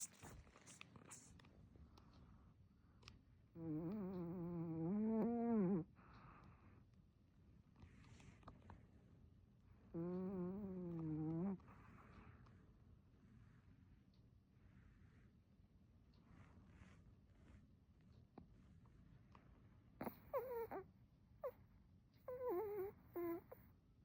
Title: The dog is snoring today too.